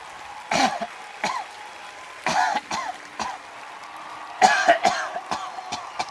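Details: Acted coughing by an adult impersonating Hillary Clinton in a comedy sketch: a run of short, dry coughs and throat-clearing bursts with quiet room noise between them.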